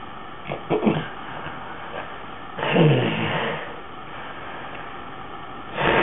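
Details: An adult father's sleep: noisy breathing with a loud, rough snorting gasp after a quiet stretch, consistent with obstructive sleep apnea with snoring and gasping.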